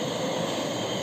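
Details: Philips CPAP auto machine, used for snoring, just started after setup: steady whooshing blower noise with constant hum as it delivers continuous positive airway pressure.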